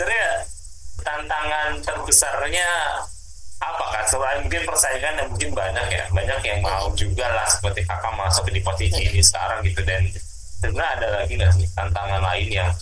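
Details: Adult speaker, podcast host; Normal speech.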